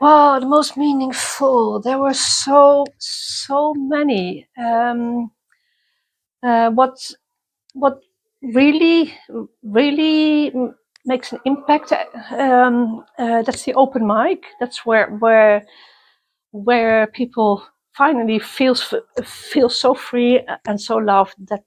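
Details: Self-identified person who stutters, interviewed at a youth exchange for people who stutter or clutter; stuttering.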